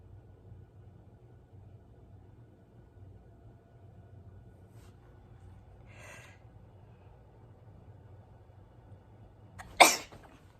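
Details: Sneezing in a quiet room: a soft sniff, then one sudden explosive sneeze near the end.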